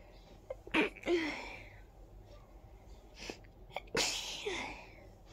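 Two sharp sneezes, each preceded by a quick intake of breath, with quiet room noise between: sneezing.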